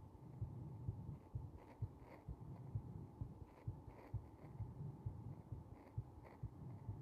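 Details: Slightly slow, regular soft heartbeat thumps heard through the chest over a low background hum, recorded during compression.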